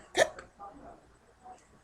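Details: A person with persistent hiccups, said to last days or months, gives one abrupt, sharp hiccup followed by quiet breathy sounds, after trying water and breath-holding as cures.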